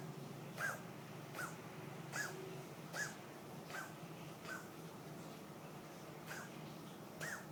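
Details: Pet cat's asthma episode, a run of short, harsh, squeaky coughing bursts; X-ray showed unclear upper airway, vet noted obesity; episodes linked to weather and mood, reduced with wet food (feline asthma cough).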